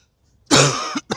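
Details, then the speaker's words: An adult's cough while walking outdoors in the street: a single harsh, rough cough followed by a brief second burst, raspy and wet in quality, which the person likens to a smoker's cough. "Excuse me, that's my cough. It sounds like I smoked a pack of or two packs of cigarettes last night."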